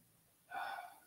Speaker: Y'all hear the dog snoring? Bruh. You out of line, Pedro.